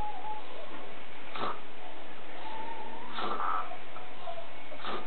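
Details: Person passed out asleep on a couch, snoring: three rough, noisy breaths every one and a half to two seconds, with faint whistling in between.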